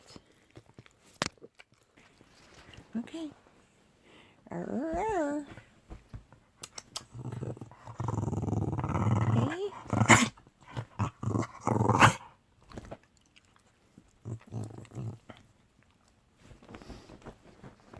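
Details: Dog that has always sneezed a lot when excited, now having coughing spells when excited and also at rest: whines, then rough, throaty rumbling bursts and short harsh coughs, an excitement-induced coughing spell.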